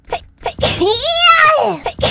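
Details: Short breathy inhalations, then a loud, voiced, high-pitched 'achoo'-like burst with a falling tone; a single sneeze, possibly exaggerated.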